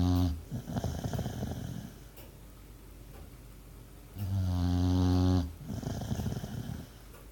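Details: Sleeping pet snoring: loud, buzzing snores on the in-breath with rattly out-breaths, about 15 breaths a minute.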